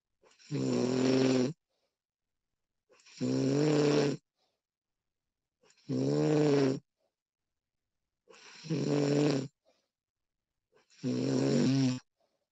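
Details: Woman snoring during sleep, professionally recorded: five loud, rough, vibrating snores with quiet pauses between them, about 23 a minute; regular snoring.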